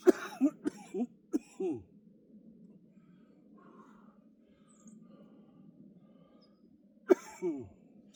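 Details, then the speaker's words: Productive cough with wheeze in a person with cystic fibrosis right after a shoulder workout set; mucus heard in the airway or upper lungs. "Now you can hear me wheezing. That's cuz the mucus is somewhere in my airway or upper lungs. which is a good thing."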